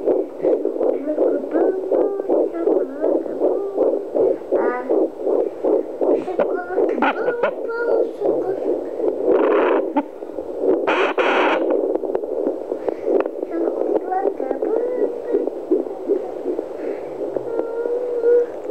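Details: Fetal heartbeat on Doppler at 13 weeks of pregnancy, possibly twins (uncertain): rapid whooshing pulses at about 160 beats a minute.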